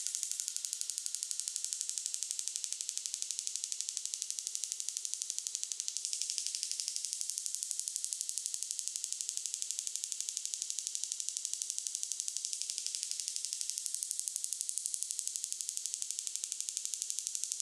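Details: Extracorporeal shockwave therapy device run at a faster rate on the patient's painful right lower back at a hospital-run medical spa. Rapid, very regular ticking, about four pulses a second, with a hissy edge.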